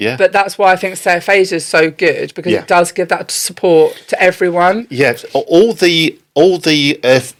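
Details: Adult woman speaking; no disorder.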